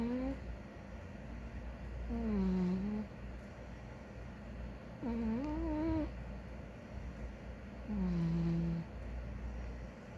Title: Big Ginger Cat snores [sound on]